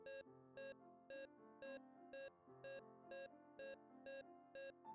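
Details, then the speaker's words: Simulated patient monitor (LLEAP simulation system) SpO2 beeps, each tied to a pulse peak; the beep rate speeds up as the ECG rhythm changes from sinus rhythm to sinus tachycardia. "one spo2 pipping frequency reflects pulse rate observed is pipping frequency has ecg rays from sinus priority to sinus tachy"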